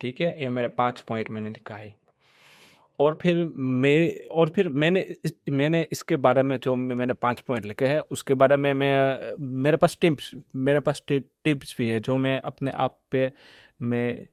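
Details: Stuttering in a man who says he stammers, speaking Hindi mixed with English; he describes phone calls as his hardest speaking situation.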